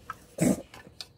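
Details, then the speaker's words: One short harsh cough from a cat that has been sneezing a lot; cough. "아이고 아이고 우리 귀술 콜록콜록 한다."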